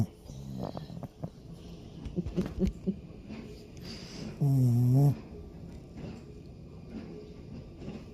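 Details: Loud snoring from Ms Pie, apparently one of the owner's two pups, loud enough to keep the owner awake at night.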